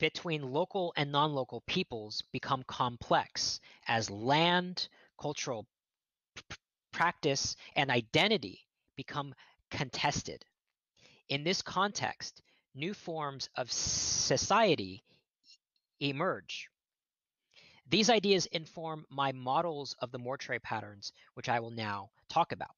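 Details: Adult male archaeologist who says he stutters and will stutter now and then, giving a lecture; stuttering.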